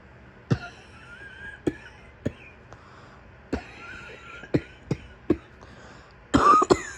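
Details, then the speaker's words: Simulated morning coughing fit by a woman acting sick in bed: about eight short, sharp, unevenly spaced coughs in a quiet room, ending in a cluster of harsher, barking coughs. "You like it when my cough gets out of control and I start barking. All right, here I go again."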